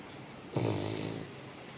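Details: Sleeping Labrador dog snoring: one brief, low, vibrating snore against a steady background hiss.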